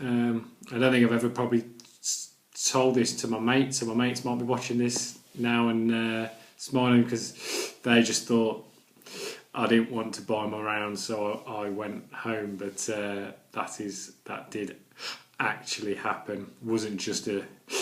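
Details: Adult man with a stammer that includes silent blocks and repetitions: stuttering (stammering)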